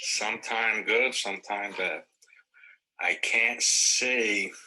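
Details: Wernicke's aphasia in a person from the AphasiaBank Grand Rounds tutorial.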